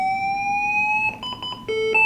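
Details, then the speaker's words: A LIFEPAK 12 biphasic defibrillator is charged. A rising electronic tone is followed by a steady ready alert with beeps, signalling a full charge and readiness to shock. "okay and then you press charge allow it to get a complete charge"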